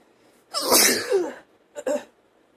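One loud, explosive sneeze, followed by a quick double sniff or short breath.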